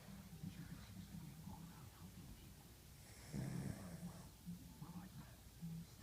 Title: My dog ginger is snoring on the couch.